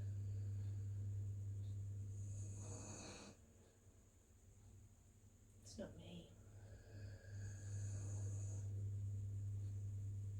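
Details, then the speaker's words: A dog snores softly in the background during a seated chair-yoga session, two noisy breaths about five seconds apart, over a steady room hum; snoring. "You can hear my dog snoring in the background."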